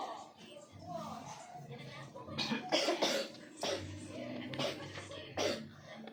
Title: Dry Coughing Problem Solve in 1 session